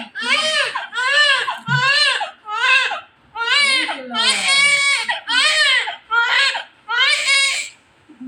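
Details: Loud, rhythmic newborn crying in repeated high-pitched wails, about 70 cries a minute, from a baby girl just after normal vaginal delivery.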